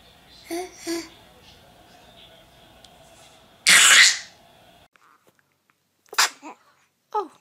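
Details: A single sharp sneeze from a baby girl, preceded by soft vocal sounds, with quiet coos afterward; an ordinary harmless infant sneeze.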